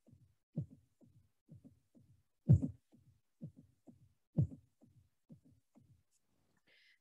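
Soft low heart sounds, roughly 60 a minute, with extra faint thumps clustered around each beat; a summation gallop (S3 and S4 together). Brief music at the end.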